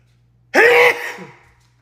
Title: male tiktok sneeze 13